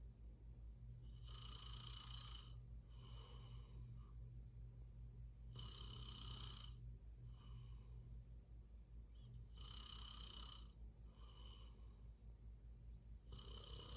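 Repeated rough breathing noises in sleep, about 15 breaths a minute over steady low room hum; ordinary snoring.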